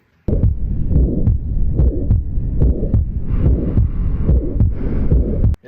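Regular heartbeat near 72 a minute with a harsh rushing murmur filling the gap between beats, typical of aortic stenosis.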